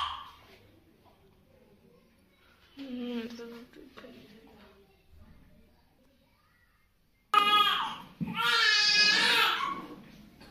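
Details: Newborn at first vaccination: quiet fussing, then a sudden loud, high-pitched wailing cry, typical of a pain cry after an injection.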